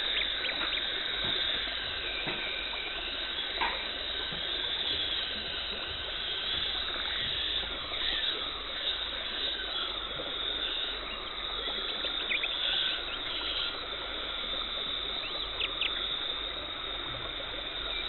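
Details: Dental hygienist performing a professional teeth cleaning, removing tartar and plaque, no talking: steady high hiss of suction and water spray with shrill scaler squeals; dental cleaning instruments (scaler, water spray and suction).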